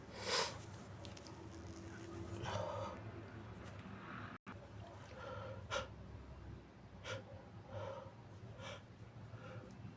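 A muffled sneeze followed by repeated wet sniffles over steady room noise.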